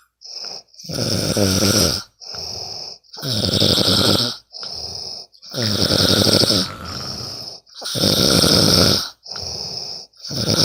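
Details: Loud rattling snores on each breath with quieter exhalations between, about 13 breaths a minute, recorded from a friend asleep: ordinary snoring during sleep.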